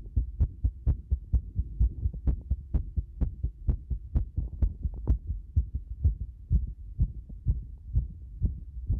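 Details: Heart sounds with a markedly irregular rhythm: rapid thumps at about 128 a minute, with uneven spacing and varying loudness.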